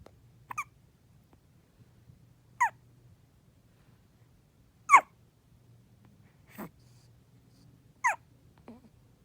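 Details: Hiccups in a 4-day-old newborn.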